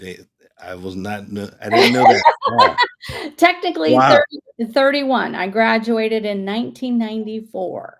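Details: Aphasia in an adult male stroke survivor.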